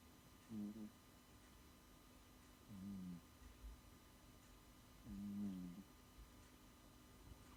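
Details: Sleeping cat, with kittens wearing cones nearby: soft, buzzy low snores repeating about every two seconds over a faint room hum; snoring.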